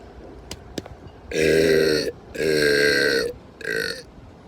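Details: Deliberate burping on a boat: three loud, drawn-out, tonal belches after a couple of faint clicks.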